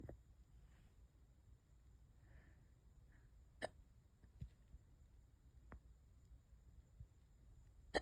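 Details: Hiccups that have lasted for hours and keep getting worse: soft, sharp, isolated hiccup sounds every one to two seconds over a quiet, low background hum.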